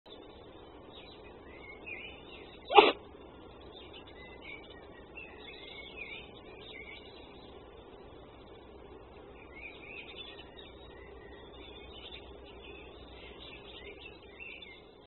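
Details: A fox sneezing outdoors: one short, sharp sneeze, then a quiet outdoor background with faint birdsong.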